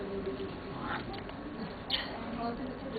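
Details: Man with severe adductor spasmodic dysphonia, among the worst cases, barely able to speak as the vocal cords choke, becoming breathless; counting in Hindi; adductor spasmodic dysphonia.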